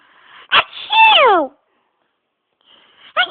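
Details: Socks sneezing: one short, sharp sneeze, then a falling squeaky vocal sound, with the quieter start of another sound at the end; sneezing.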